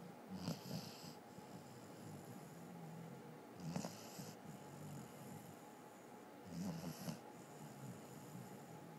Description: Our dog Lucy, a Basset Hound, snoring